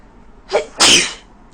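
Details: Woman with a very bad cold, in bed in the morning: a single sneeze, a short indrawn breath followed by an explosive hissing burst. Sneezing.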